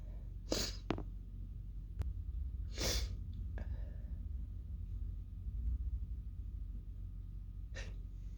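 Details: Sneezing fit of three muffled, suppressed sneeze bursts with small catches of breath between them, almost fully held back: stifled sneezes, the fit later ending explosively with a nose blow.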